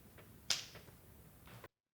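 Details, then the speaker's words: A single sharp click as the shock-spoon cable end, passed to the non-sterile area, locks into the Y adapter while setting up a corpuls3T defibrillator for internal defibrillation. "the end of the cable is passed into the non-star area and connected there with the Y adapter. >> You will hear an audible click during this step."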